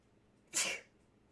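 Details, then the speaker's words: Woman in a repeated sneezing bout. A single sharp, explosive sneeze with a hissing burst of air, an ordinary sneeze. "I just annoyed my dog. He left. He's like, "I'm not just sitting next to this woman who's sneezing.""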